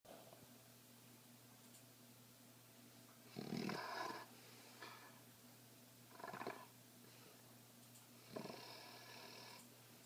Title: Buster's snoring and dream